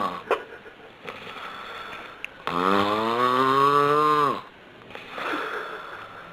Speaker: yep your snoring is putting a damper on things at home and you know it can increase the chance of strokes and heart attacks